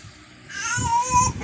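A brief rising infant cry or fussing vocalisation, with a little room noise.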